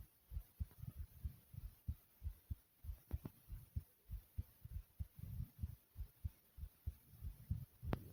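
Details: Strong, regular low thumps at about 95 beats a minute, a tad fast after jumping in place; fast heartbeat after exercise.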